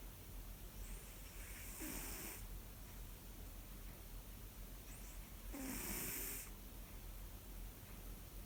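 Two loud, rough snoring sounds about four seconds apart, each with a low buzzing rattle on the breath, over steady room hum: a sleeping cat snoring.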